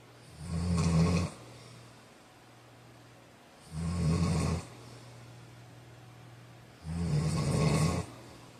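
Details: Sleep snoring: deep, rumbling snores on each breath in, three in about nine seconds (roughly 18 a minute), with quiet breathing between.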